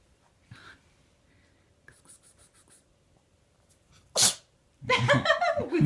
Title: Cat sneezes - кот чихает